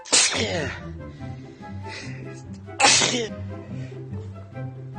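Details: Two loud, explosive sneezes about three seconds apart, with music playing throughout.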